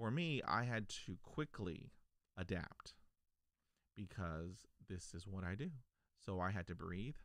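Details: Adult man stuttering since age five, onset after a dog attack, persisting despite years of speech therapy; blocks discussed; stuttering.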